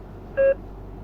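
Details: A beep from a bedside ICU patient monitor connected to devices such as a pulse oximeter.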